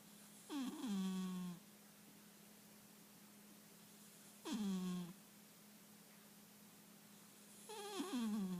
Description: My sweet Calico Himalayan snores...who knew!!!!